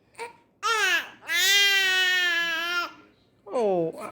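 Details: A one-month-old baby having hiccups: a short sharp catch, then loud sustained wailing cries ending in a falling cry; infant cry.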